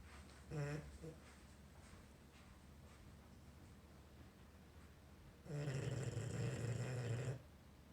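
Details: Sound-asleep, motionless English bulldog snoring with gusto: two loud, low, rattling snores, one brief and one long, over quiet room noise; snoring.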